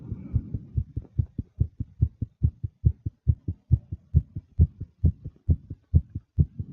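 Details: Fast female nervous heartbeat: rapid, regular paired thumps at about 135 beats a minute, with faint breathing noise at the start; tachycardia.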